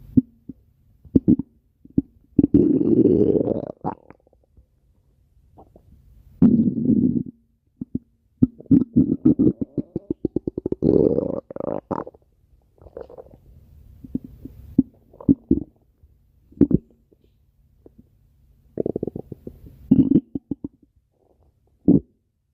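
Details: Stomach growling (borborygmi) in close-up: gurgling, bubbling rumbles and quick clicks from an adult's stomach.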